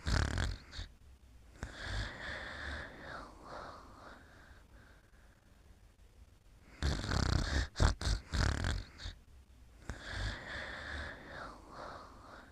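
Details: Rough, snorting snoring breaths in bursts separated by quieter breathing during sleep.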